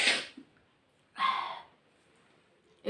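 Two sharp, hissing sneeze bursts about a second apart, with a third starting at the end.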